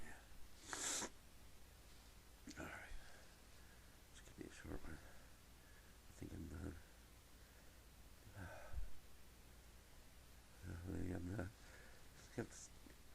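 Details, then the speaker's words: Several muffled, held-back stifled sneezes with quiet breathing between, in a small room; sneezing fit, speaker says they feel another coming and tries to keep it quiet. "I feel like got to sneeze I feel like it later I'm start keep it quiet that's so good have to sneeze again"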